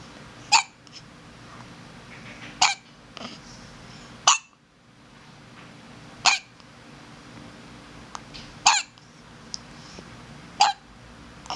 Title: Hiccup